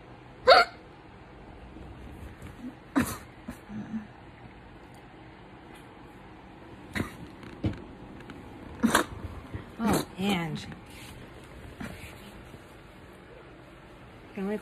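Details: Very strong, loud hiccups after a seizure, patient lying down: abrupt sharp gulping bursts recurring every few seconds with quiet room noise between them; hiccups following a seizure.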